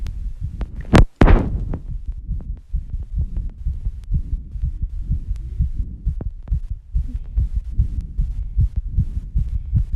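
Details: Own heartbeat recorded after rebreathing and squats, with heavy breathing: fast, regular, muffled thumps well over 100 a minute: rapid heartbeat after exertion (sinus tachycardia).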